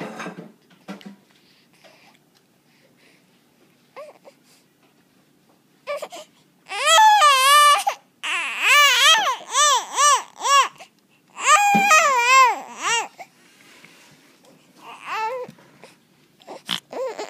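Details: Infant crying: quiet fussing, then a run of loud rising and falling wails, settling back to whimpers.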